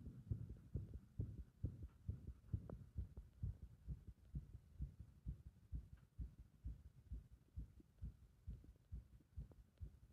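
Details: Irregular heart rhythm brought on by compression: low, muffled heartbeats with uneven spacing and varying loudness over a steady hum.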